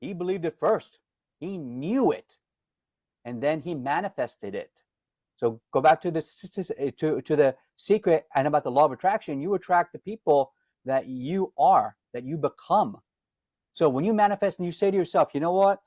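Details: Adult man with lifelong stuttering who says he is disfluent every day and hides it when singing; word repetitions audible; stuttering.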